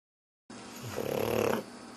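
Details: Pug dog snoring while appearing to sleep, possibly pretending: one rough, fluttering snore under a second over faint background hiss.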